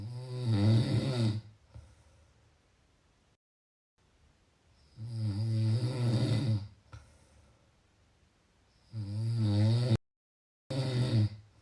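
Three loud, rattling snores on the in-breath, spaced by quiet out-breaths, roughly five breaths a minute in this stretch; ordinary snoring.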